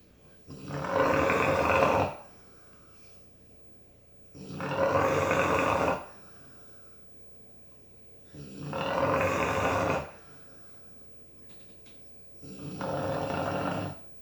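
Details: Jasper, a dog, snoring: loud, rough snores on each breath, about 15 a minute, with quiet pauses between.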